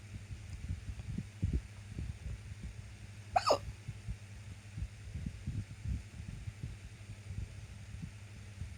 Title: Squeaky Hiccups